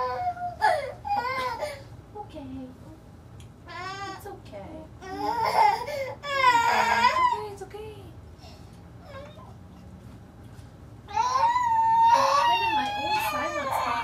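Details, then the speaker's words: Fourteen-month-old child crying with distressed bursts, whimpers and quiet gaps at first activation of bilateral Cochlear Freedom cochlear implants, a common frightened reaction to hearing sound for the first time. "you get most kids crying at it very common it's very rare that they don't it's scary CU you're hearing this s"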